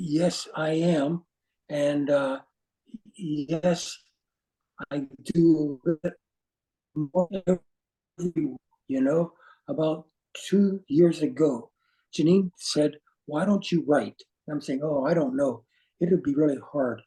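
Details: Aphasia after stroke in an adult man, with words not flowing and difficulty with instant word choice.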